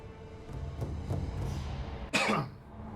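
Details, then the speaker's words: A single sharp, dry cough from an adult man with a scratchy throat during a recording, over low background music. "Excuse me. Throat's getting all scratchy. And of course, I did not plan ahead and grab I didn't put bring any water with me for this recording."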